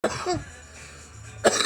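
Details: Two harsh, dry cough bursts from an adult right after smoking cannabis, with faint music behind: irritant cough after smoking cannabis.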